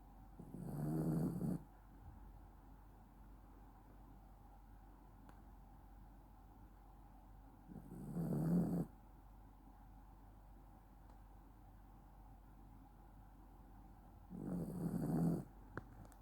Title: Snoring doggo